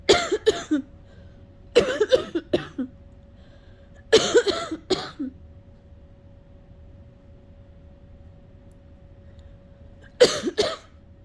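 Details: Person who has been sick for a while, trying but failing to cough up phlegm: four bursts of two to three harsh, wet coughs separated by pauses, couldn't stop, causing a headache; productive-sounding cough.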